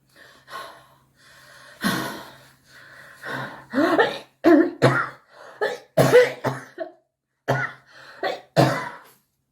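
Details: Compilation of repeated coughing, about a dozen coughs, some harsh and forceful, others short and throaty like throat clearing, over a faint steady hum.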